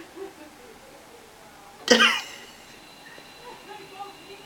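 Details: A single sudden explosive sneeze in a quiet room.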